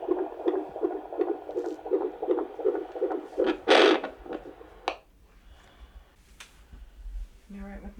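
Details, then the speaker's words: Fetal heartbeat on Doppler during labour after waters broke, contractions five minutes apart, with efforts to get the baby to turn: fast, rhythmic whooshing, around 160 a minute, reportedly almost reaching 180 at times: episodes of fetal tachycardia. "did you tell her what's going on yeah i mean it's higher than it should be for sure but it's also making dips down into a reasonable area but we don't like it going too hard that high"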